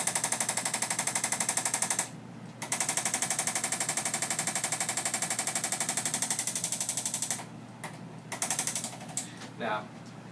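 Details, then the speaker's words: Rapid mechanical tapping about four times a second in bursts, like a small jackhammer, from an Arthrostim adjusting instrument on a rigid lumbar spine to break down adhesions during chiropractic adjustment for pelvic subluxation. "we use the auto statement here to break down the adhesions so the jackhammer this allows the lumbar spine to become more pliable and moved"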